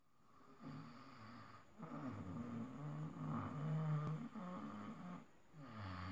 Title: loud📣 snoring while sleeping